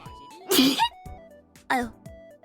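Two sharp, explosive sneezes, each a short voiced burst with airy noise, over soft background music.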